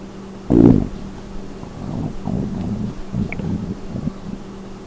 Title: little girls stomach growl